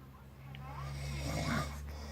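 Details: A father snores, a deep, rattling snore that builds in loudness as he breathes in, while a child nearby talks about being scared of the monster; snoring.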